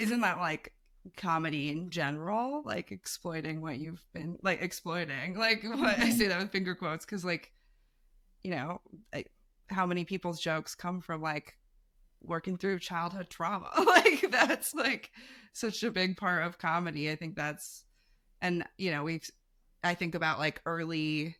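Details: Adult speaker; normal speech.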